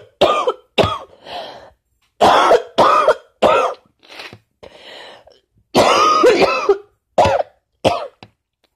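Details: Person with lingering cold plus allergies: a run of harsh, abrupt coughs in close bursts, some with a throaty rasp and softer breathy tails between them, amid sneezing fits.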